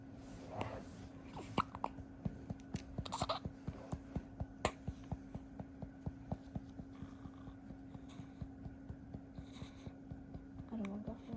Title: Hiccups every after milk time #baby #newborn